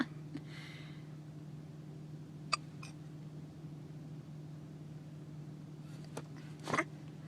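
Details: Two people in a parked car having a hiccup battle: a few brief, sharp hiccup clicks stand out over steady room hum.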